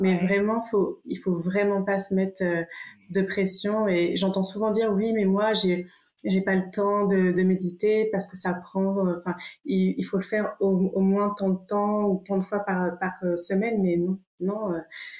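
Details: Adult woman who stutters, who has had speech therapy including stuttering modification and uses meditation to stay present during stuttering moments; stuttering.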